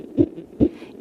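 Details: Fetal heartbeat in the womb at 6 months of pregnancy: two rapid, evenly spaced soft thumps at about 140 beats per minute.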